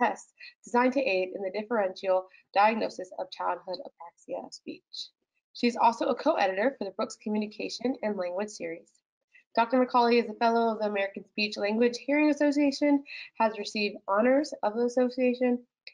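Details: Adult woman speaking; normal adult speech.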